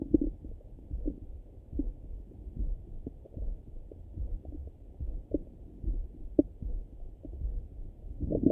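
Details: Person's own morning stomach rumbling through a stethoscope: low gurgling rumbles and soft irregular bubbling, normal bowel sounds (borborygmi).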